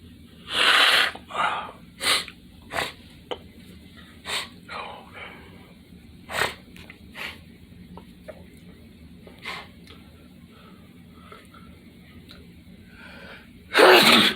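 Two loud explosive bursts at start and end, with short snuffling nasal sounds and sniffs between them; sneezing with nose blowing.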